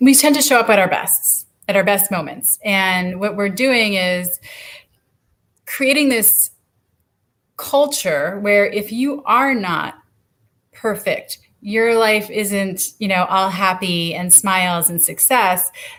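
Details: Adult woman speaking; normal speech.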